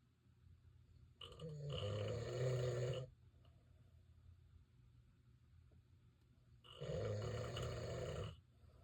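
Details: Husband's very loud snoring, loud enough that the couple sleep in separate bedrooms: two loud, rough, rattling snores on breaths in, about six seconds apart, with quiet breathing between.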